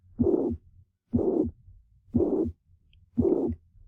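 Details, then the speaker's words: Teaching recording of a patient with mitral regurgitation: three normal beats, then a high-pitched, blowing holosystolic murmur of constant intensity, best heard at the cardiac apex, swishing through each systole at about 60 per minute. "is a holosystolic murmur of constant intensity which is heard best at the cardiac apex this murmur is high-pitched and blowing in character"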